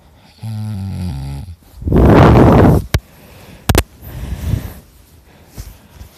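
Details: Self-recorded heavy snoring from an exhausted person: loud, harsh, rattling snores with a brief buzzing tone before them.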